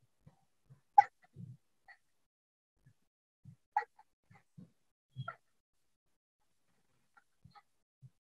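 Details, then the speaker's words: Simple vocal tic in Tourette syndrome/tic disorder: brief, abrupt breathy gasps and low puffs in irregular bursts, a panting-type simple vocal tic. "Bệnh nhân biểu hiện h tiếng Ho Bao nhiu tặt lưỡi những cái biểu hiện tặt lưỡi có nh tiếng gầm gừ n tiếng bập môi à tiếng thở hổng hện"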